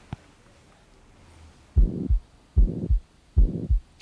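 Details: Heart murmur in an adult male patient sitting forward with breath held after a deep breath out, pulse felt at the neck: regular heartbeat near 75 a minute with a rushing murmur filling the gap between heart sounds.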